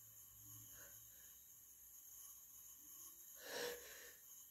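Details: A sneeze from cat allergy, either induced or natural: a few quiet breathy sounds, then one short explosive sneeze near the end, over a steady background hiss.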